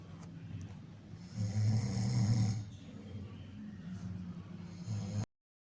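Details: Ordinary snoring: a low, rough, rumbling snore swelling for about a second and a half, then softer rattling breath sounds.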